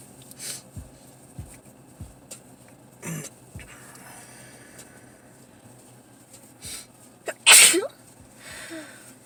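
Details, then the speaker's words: Sneezing challenge, something burning the nose used to provoke it: quiet sniffs and a small catch build to one loud explosive sneeze, then a softer exhale; faint room hum; induced sneeze. "Well, the amount of sneezes was kind of short-lived, but that was part 2."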